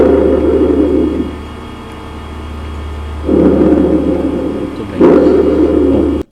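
Loud, harsh, hollow breath noise on both inspiration and expiration, with a brief gap between phases over steady hum: normal tracheal breath sounds.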